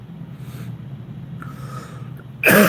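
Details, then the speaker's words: A single loud cough from an adult with a lifelong history of repeated childhood pneumonia and near-yearly bronchitis, whose chest illnesses leave a cough lasting weeks or months; low background hum. "So if I get anything in my chest at all, no matter how careful I am, then it I end up having a cough for weeks or months."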